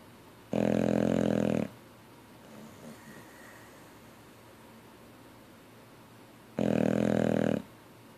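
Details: Sleeping Boxer dog: two loud, rumbling, fluttering snores about six seconds apart with quiet breathing between, loose lips vibrating; snoring.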